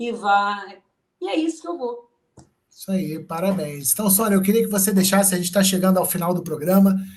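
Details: Adult woman speaking Portuguese; normal speech.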